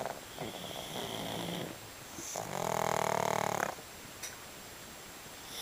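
Loud rattling snore on the in-breath with softer snorting between, from a sleeping pet; ordinary snoring.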